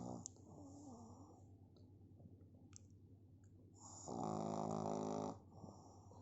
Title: Cute pug snoring 😂😂💤😴😴! 🐕